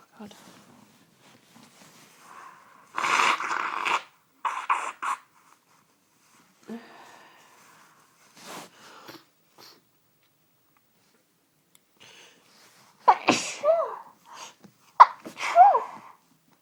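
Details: Sudden Sunday-evening sneezing fit that began within the last hour: a run of sharp, explosive sneezes in close succession in a quiet room.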